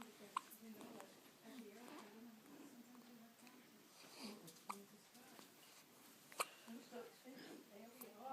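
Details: Hiccups: three sharp, abrupt catches of breath at irregular intervals, with soft voices in a quiet room.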